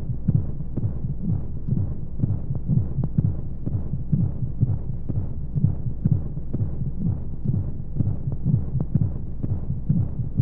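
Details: Womb-sound sleep aid for babies with white noise: soft muffled steady low heartbeat thumps at about 125 a minute under a whooshing hum of flowing sounds, as heard in the womb.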